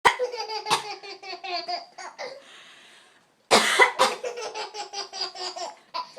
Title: Laughing at me coughing!! Goof!!